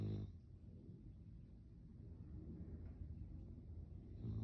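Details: An animal that snores a lot, snoozing in her favourite position: low, rumbling, rattly breathing during sleep, consistent with snoring.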